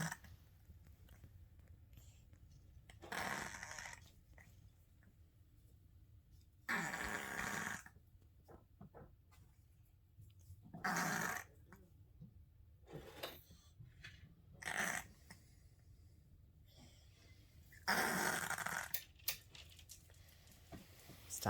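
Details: Three-legged cat, November 2022, owner worried about her breathing: repeated harsh snorting noises on breaths, about seven irregularly spaced bursts, suggesting noisy breathing through a blocked nose or throat.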